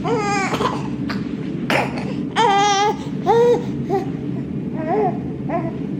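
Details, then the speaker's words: A 3-month-old baby girl screams at night even when held and offered a pacifier: loud, high-pitched crying bursts with short pauses in a small room; infant crying. "like even when we hold her try to put her pacifier in she'll still just like sometimes scream like that so oh no"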